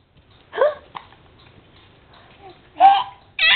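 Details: Three short, abrupt hiccups a second or two apart in a quiet room, apparently from a small pet; hiccups.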